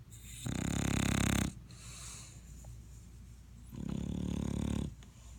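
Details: Sleeping female dog snoring loudly enough to keep its owner awake: loud, low rumbling snores on two inhalations with quiet pauses between.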